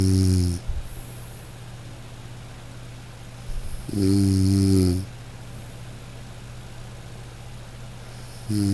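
Loud, low, buzzing snores with a humming tone, about one every four seconds (roughly 14 per minute), with quiet pauses between them.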